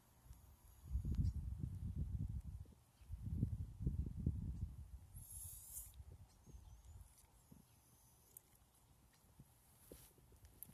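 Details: A dog makes two bursts of rapid, low, snorting pulls of air; the owner thinks it is reverse sneezing or something similar.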